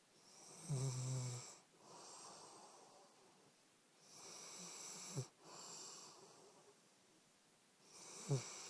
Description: Happy snoring ljke the rest of us